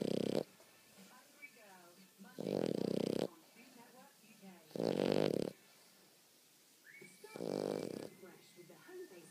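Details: Sleeping dog snoring: four loud, rattling snores 2–3 seconds apart, with soft whimpering and room noise between them.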